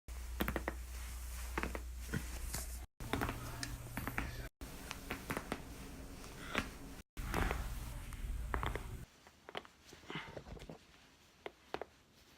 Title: 30 seconds of joint cracking